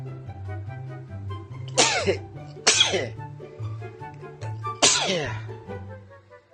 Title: sneeze